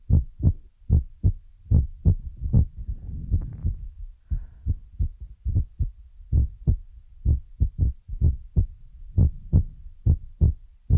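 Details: Heartbeat sound used as an ASMR relaxation trigger: deep, regular paired thumps at about 70 beats a minute, with faint soft background noise.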